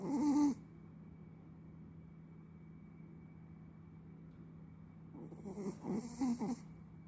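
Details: Sleeping Chihuahua: two soft rattling snore breaths separated by a quiet pause, with a steady low room hum; dog snoring.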